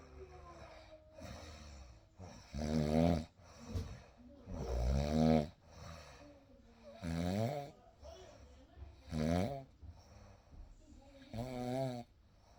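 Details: Real night sleep recording with a baby: repeated buzzing snores on inhalation every few seconds, with quiet rough breaths between; snoring in sleep.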